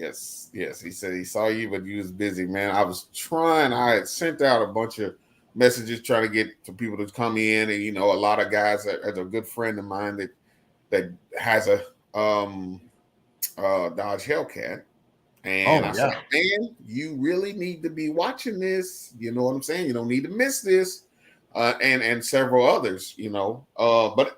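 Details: Adult male speaker; Typical speech.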